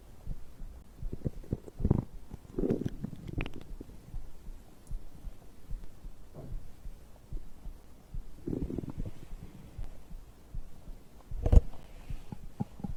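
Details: Stomach growling recorded after drinking a beverage: low gurgling rumbles and bubbling noises in a quiet room, ordinary digestive bowel sounds.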